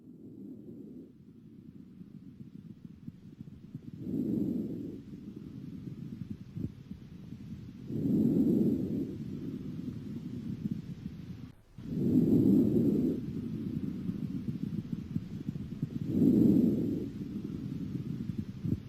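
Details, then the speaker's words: Stethoscope auscultation of the chest at five to six posterior and anterior points, bilaterally and symmetrically: soft, low rustling breaths about 15 a minute; normal vesicular breath sounds. "il entend les bruits transmis par le passage de l'air dans les voies respiratoires c'est le murmure visite de l'air"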